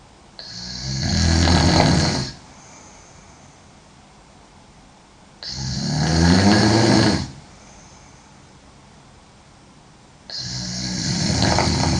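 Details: Girl sleeping: loud, rough snores on each in-breath with quiet pauses between, about 12 a minute; heavy snoring.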